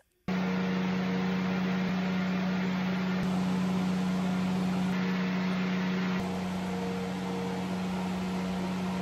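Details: Advanced diode laser hair removal machine running during whole-body treatment at a clinic (armpits, arms, stomach): steady, loud humming drone with constant rushing noise.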